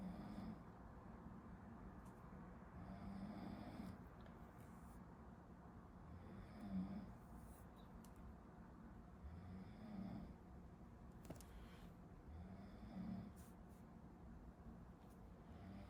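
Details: Someone sleeping behind a medical student studying, recorded as a study-with-me: faint low rumbling snores about every three seconds behind steady room noise; background snoring.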